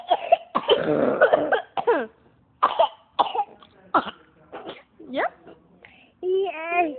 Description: My two kids with a cold is such a site! My daughter and son were egging each other on with their coughing fit, ending was unexspected!